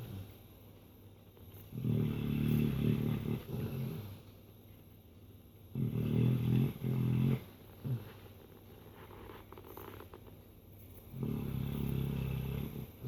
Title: Dreaming and snoring chocolate lab